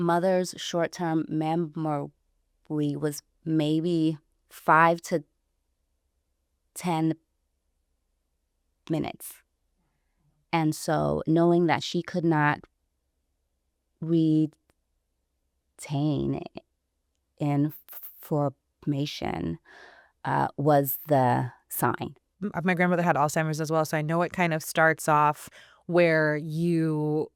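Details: Stuttering in an adult woman who identifies herself as a person who stutters.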